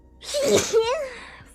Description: she's a very sneezy person